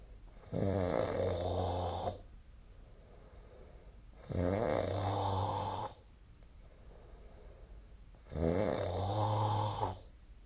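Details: Snoring during sleep: three long, buzzing snores on the in-breath, about 16 breaths a minute, over faint room hiss.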